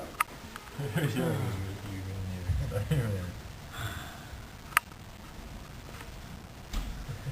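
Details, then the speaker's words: Dorm resident's excessive snoring, likened to a grizzly bear: a loud, low, rumbling snore with a vibrating, drawn-out inhalation, followed by quieter breathing and room noise. "okay so due to excessive snoring habits we have decided that sound proofing is necessary upon this room"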